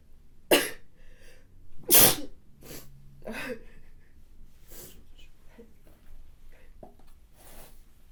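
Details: Sneezing by a model, recorded with her permission.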